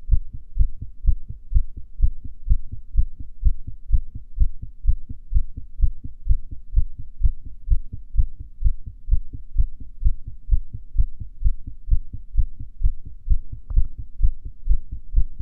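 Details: Female heartbeat recorded during a breath hold: steady, regular low thumps with no added noises; normal heart sounds.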